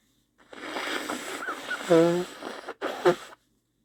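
Sniffly breathing and a forceful voiced sneeze, then a second short burst like a sneeze or nose blow. No steady wheeze is heard.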